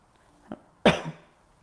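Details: A brief throat click, then a single short, slightly hoarse cough from an adult female yoga instructor with a croaky voice after recent laryngitis, while teaching a lunge sequence; cough.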